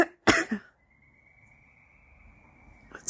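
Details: Smoker's cough in an adult woman smoking a cigarette in the morning: two harsh, abrupt coughs, then a quiet pause with a faint steady background tone.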